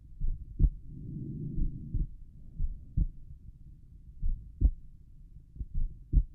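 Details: Normal heart sounds at rest over the pulmonic area: soft regular lub-dub, about 80 beats a minute.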